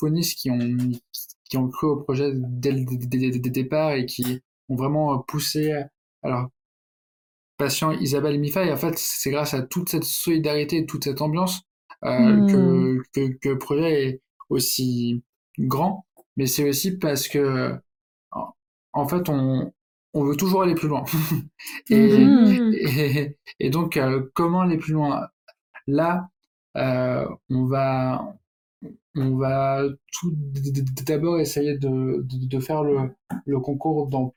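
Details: Stuttering in an adult man who stutters, speaking French.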